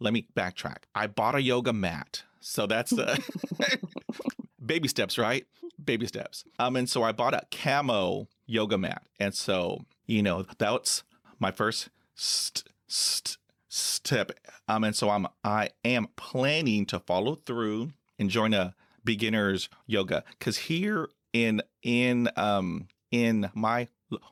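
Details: Adult man who stutters, with blocks he says come with eye closing, hand movements, leg tapping and facial tics: stuttering.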